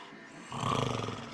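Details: Snoring by the recorder's brother: a single loud, rattling snore on an in-breath after a moment of quiet.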